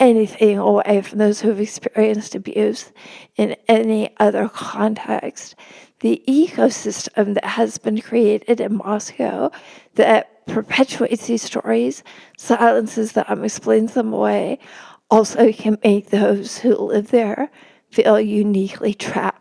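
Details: Spasmodic dysphonia in an adult woman; real condition, disclosed beforehand, noting it may make her sound nervous though she is not.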